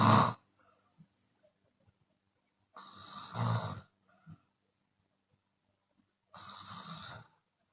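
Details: Loud, harsh, rattling open-mouth snores from a sleeping Chinese woman on breathing in, about 17 a minute, with quiet gaps and soft exhalations between; exhale snoring occurs sometimes.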